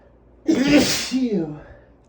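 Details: Adult male with allergies in a sneezing compilation, sniffing and building up before sneezing: a single forceful sneeze, a sharp explosive burst with a voiced 'choo' that trails off.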